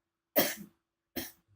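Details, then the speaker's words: Adult woman with a sore throat, coughing at 5:30 am after being woken from sleep by the cough, now sitting up after water and cough medicine; inflammation is feared: two short, harsh cough bursts about a second apart. "Tadi posisinya dia udah mau tidur tapi karena batuk jadi dia bangun, tapi tadi barusan udah minum sih ya."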